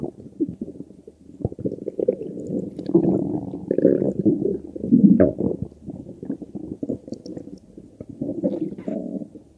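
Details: Continuous low gurgling and rumbling from the belly: ordinary stomach growling (borborygmi).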